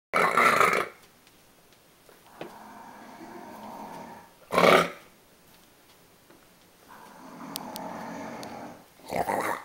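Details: A sleeping doodle dog snoring: loud rough snorting breaths alternating with softer rumbling out-breaths, about 14 a minute.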